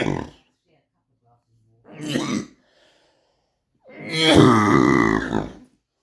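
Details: Adult born in 1962 with oesophageal atresia/tracheoesophageal fistula, after two hospital visits and 4 weeks of cough: three harsh, voiced cough efforts, the last a long strained groaning bout.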